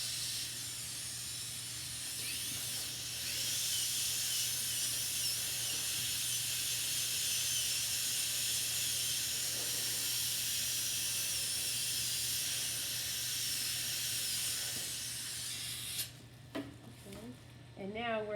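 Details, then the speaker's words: Continuous high-pitched hissing whine of a high-speed dental handpiece over a low hum, creating bevels on a mesial composite restoration so the margin blends; stops near the end. "now she's going to create the bevels with that so the bevels again are what's going to make that um blend a little bit better"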